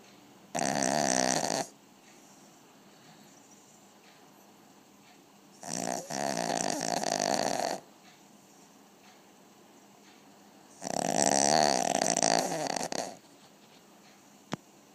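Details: Small 5 kg puppy snoring during cuddle time: three long, loud rattling snores, each one to two seconds, spaced several seconds apart in a quiet room; snoring.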